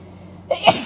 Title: Wet Induced Cold Sneezes (F)